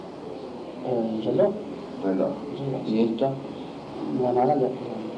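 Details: Patient with aphasia during a naming task, showing word deformation and substitution (literal and verbal paraphasia); paraphasia.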